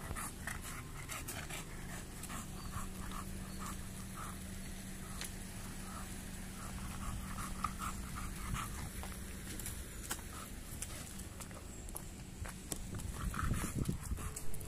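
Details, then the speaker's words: Overweight bully-breed dog with hind leg problems, still heavy despite reduced feeding, pants rapidly and noisily at about 170 breaths a minute after only a short midday walk, showing poor stamina and breathlessness. "Dia sudah merasa ngos-ngosan teman-teman bisa dengar sendiri dari suara napasnya"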